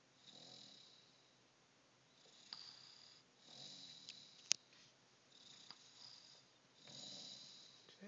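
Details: Sleeping dog snoring, regular soft breaths about eight a minute with faint rattle each breath, thin-sounding phone recording.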